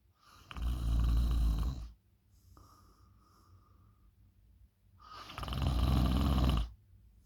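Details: Loud snoring during sleep: two long, loud, rattling snores on inhalation, separated by a quiet exhale.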